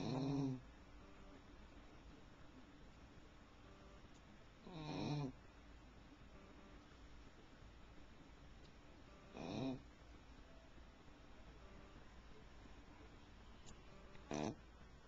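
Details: Soft, short snorting snores every four to five seconds, about 13 a minute, in a quiet room, recorded with a Flip Video camcorder: a dog snoring while asleep.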